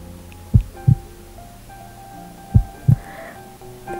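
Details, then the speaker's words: Fetal heartbeat at 8 weeks 3 days' gestation (calculated from entered last menstrual period), played back by a pregnancy app: paired soft lub-dub thumps, played slowly over a faint musical hum. "Gördüğünüz üzere işaretlediğimiz tarihe göre 8 hafta üç günlük GB görünüyoruz buradan bebeğin kalp atışını dinleyebilirsiniz"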